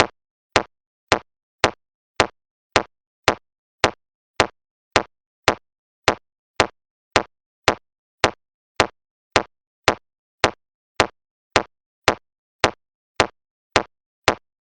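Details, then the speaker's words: BeneHeart C1A AED demonstration after a delivered shock, 30:2 CPR: sharp, evenly spaced metronome clicks at about 107 a minute pacing chest compressions, with prompts for 30 compressions and two rescue breaths. "follow the metronome to give 30 compressions and two rescue breaths"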